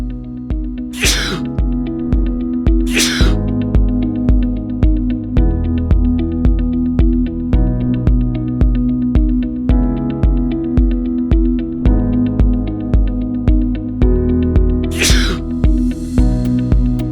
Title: Sneezing Non-Stop? Your Body Might Be Sending You a Message! | Bakson's Homoeopathy